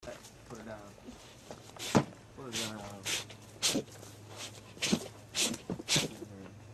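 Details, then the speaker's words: Repeated sneezing from a cute little bear that cannot stop sneezing: about six short, sharp, explosive bursts in quick succession, with voices talking in the background. "here's a cute little bear like just cannot stop sneezing check this video out"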